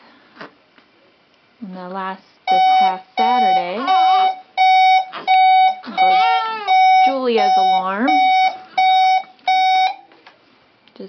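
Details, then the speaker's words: Repeated steady electronic alarm beeps from a twin infant's monitor, a false misread alarm, over fussing cries; former preemie twin girls, 3 months old, 2 days corrected age, both with hiccups. "who's that girl that keeps bumping into your now you're beeping you're okay"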